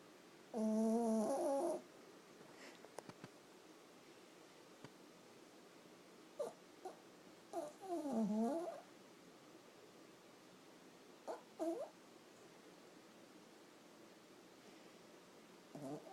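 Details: A Yorkie with COPD snoring while sleeping soundly on a purse: irregular snorting snores with a whistling, nasal quality, about four in sixteen seconds, in a quiet room.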